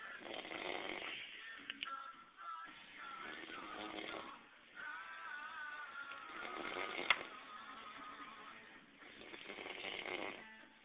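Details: Man snoring very loudly and hard to wake: rough, rattling snore sounds in uneven bursts with pauses between, over a muffled, slightly musical background; snoring.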